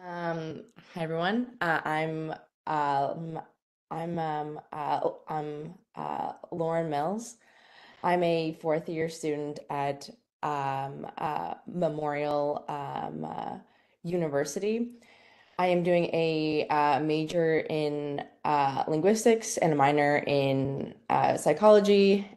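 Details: Stuttering in a female fourth-year university linguistics student who has stuttered since grade three, speaking live.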